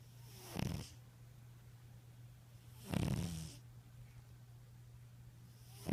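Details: Sleeping tabby cat snoring: two rough, fluttering snoring breaths about two and a half seconds apart over a steady low hum.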